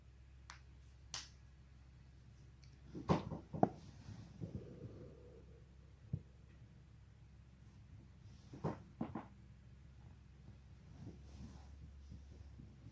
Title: めちゃくちゃ気持ちいいボキボキ鳴らし neck /back crack 163